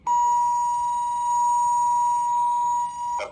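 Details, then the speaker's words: Start-up tone of an automated external defibrillator switched on during CPR training, after compressions and breaths, before applying pads to the bare chest: a steady high electronic tone lasting about three seconds. "okay the first thing I'm going to do is find the on button and push"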